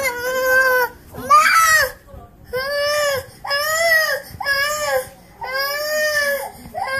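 Repeated loud, high-pitched crying bursts separated by short breaths; an ordinary infant cry.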